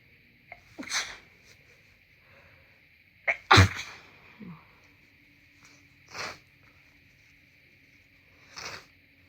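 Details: Congested person sneezing after moving from a colder to a warmer room: several sneezes, one sharp and loud, others softer and muffled, over a faint background hum; sneezing.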